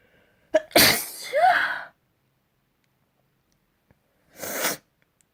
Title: Spring Sneezes